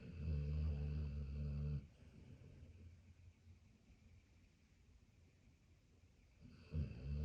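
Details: Sleeping pitbull–German shepherd mix dog after his early-morning walk: loud, low, rattling snore on the breath in, a quieter breath out, then the next snore; heavy snoring.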